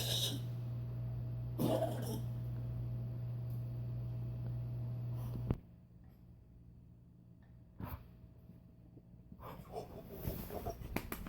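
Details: Dog coughing one hour after allergy medicine, heart medicine not yet taken, cough about 75% better and breathing better: a few brief, harsh coughing bursts separated by quiet breathing over a steady background hum.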